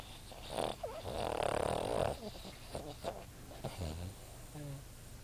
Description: my Boston Terrier..Sleepin against me, i had my ipod...recorded him when he started snoring.